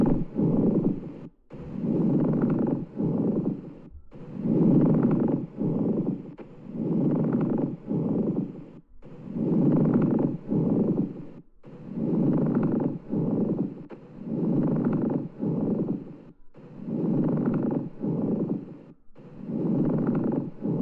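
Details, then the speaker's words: Harsh, dry grating, crackling noise with each breath in and out, a pleural friction rub from loss of lubricating pleural fluid and inflammation, best heard over the lower thorax; quiz example. "friction rub this sound is a harsh dry grading sound that has a crackling sound this sound is correlated from loss of lubricating Pleural fluid and from inflammation"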